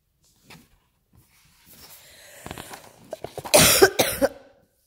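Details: Adult home sick with the flu, taking TheraFlu, gives a short run of about three harsh, forceful coughs after quiet shuffling and throat noise in a small room; cough.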